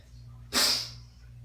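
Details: Person sick in winter, with asthma and a recent wet, chesty cough, sneezing congestedly: a single sudden, hissing, wet-sounding sneeze that fades quickly.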